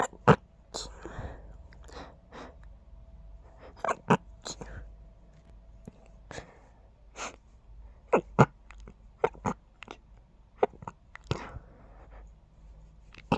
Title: Quiet, stifled sneezes 🤫